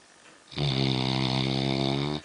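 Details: Black Labrador, about 11 months old, in deep sleep on a settee after an afternoon of swimming: a single sustained, buzzing tonal snore lasting under two seconds after brief quiet.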